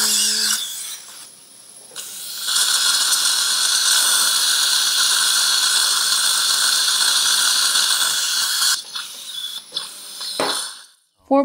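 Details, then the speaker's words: 77-year-old male with a heart condition getting implants at #43, #45 and #46: steady high-pitched dental drill whine, 5.20 by 8.5 drill into hard bone, about 70 percent length. "bone quality is quite hard so 5.20 by 8.5 drill is used it's not full length but approximately 70 percent drilling is done"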